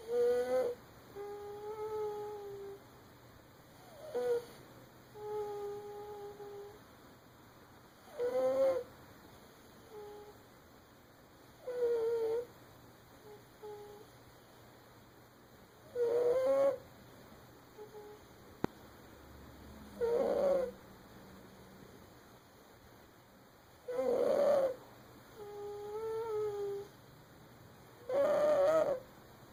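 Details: A sleeping baby makes regular, squeaky, high-pitched snoring noises about 15 times a minute: infant snoring.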